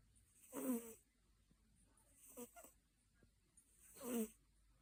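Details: Cat snoring, with three soft, rattling breath sounds about every one and a half seconds.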